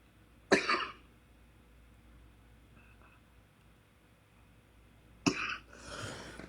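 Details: A single cough from an adult livestreamer who apologizes for her voice and is due to see a specialist about it.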